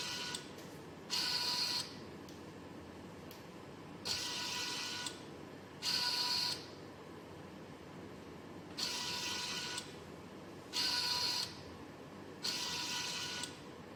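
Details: Regular bursts of motor whine, about 13 a minute, alternating with quiet hiss, from a homemade Arduino/ESP32-controlled motor-driven emergency ventilator built as a student COVID-19 project, cycling.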